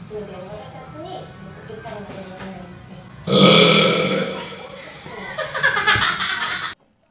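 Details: Female streamer's loud, drawn-out voiced belch after brief talk, then a second rougher belch; ordinary burping.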